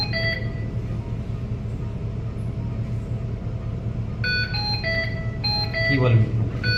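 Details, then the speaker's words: Ventilator showing a disconnect alarm: repeated electronic beeps in bursts over steady machine rumble, while staff discuss turning the alarm down via the sound menu. "ठीक है sir इसका alarm थोड़ा सा कम कर disconnect है लोग दिखा रहा है ये लोग अलार्म से ऊपर साउंड साउंड साउंड मेन्यू में जाके बंद कर"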